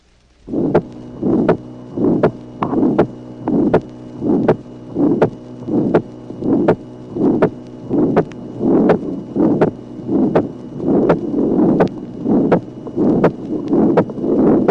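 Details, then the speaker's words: Mild pulmonary stenosis with a low valve gradient in a female patient, on a 1966 teaching recording: regular heartbeat near 81 a minute, soft systolic ejection murmur, and a single, unsplit second sound. "Tracé numéro 17. Souffle d'éjection chez une malade présentant un faible gradient regard de la valvule pulmonaire. Le deuxième bruit n'est pas dédoublé comme dans la communication interauriculaire."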